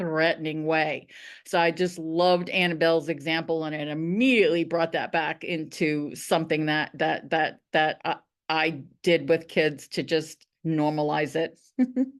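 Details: Stuttering in a woman who stutters; repetitions heard.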